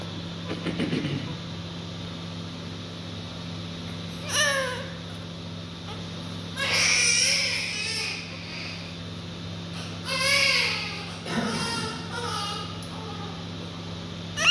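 A few intermittent thin newborn cries and whimpers against steady room hum and some background noise; a newborn crying.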